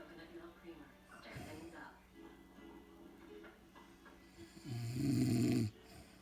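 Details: Person snoring: a low, rumbling snore near the end with softer breathing noise, and faint music or voices in the background earlier; ordinary snoring.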